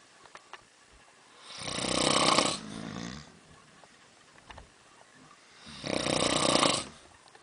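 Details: Two people snoring in a cabin: two loud, harsh snores on breathing in, about four seconds apart, near 15 breaths a minute; snoring during sleep.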